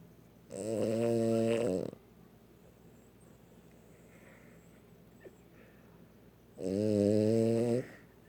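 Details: Sleeping dog snoring very loudly: two long, loud, buzzing snores about six seconds apart, with quiet breathing between them.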